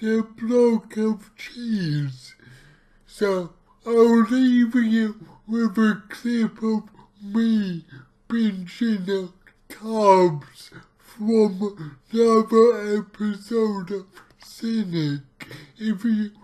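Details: Dysarthric speech from his own cerebral palsy, recorded while trying a keto diet; heavily distorted speech.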